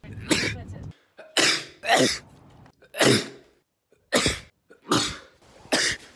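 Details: Adult recording his own sneezes: six sharp explosive bursts, each with a quick intake before it, one after another with brief pauses between; ordinary sneezing.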